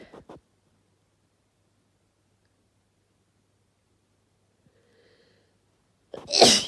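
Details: Induced sneezes in a female: mostly quiet, then a brief breathy catch and a sudden forceful sneeze at the end; ordinary sneeze.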